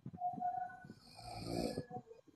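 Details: Person sleeping and snoring, with music and laughter: snoring.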